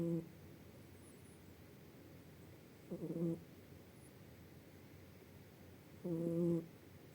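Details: Sleeping rescued tabby-and-white kitten snoring: soft, short, slightly buzzy snores at each breath, three in seven seconds, in a quiet room; normal snoring.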